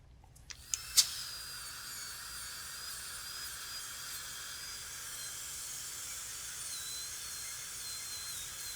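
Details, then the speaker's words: A few brief clicks, then a steady high-pitched whine: a dental handpiece with a 12-fluted carbide polishing burr removing composite clear-aligner attachments from the teeth. "The way we remove attachments, we use a 12-fluted carbide polishing burr. And it will remove all the composite."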